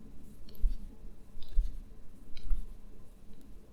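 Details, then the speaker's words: Left knee clicking (crepitus) as the leg straightens from deep flexion without bearing weight, present for a couple of months: three sharp, distinct clicks about a second apart against faint room noise. "and here you can you can hear very distinct clicking even though I'm not bearing weight as such on that leg"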